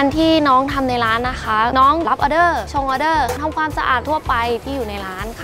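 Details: Adult woman speaking Thai; typical speech.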